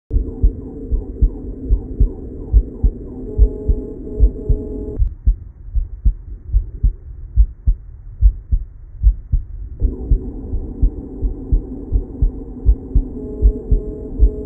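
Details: Normal heart sounds through a Littmann CORE digital stethoscope: steady low heart thumps, with soft background music at start and end.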